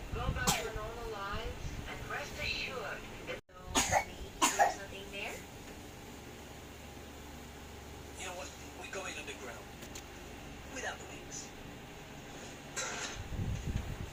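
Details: Child's allergy cough (March 9, 2024): a few short, dry, light coughs and throat clearing with talk and room noise; someone says coughing loudly would hurt the throat.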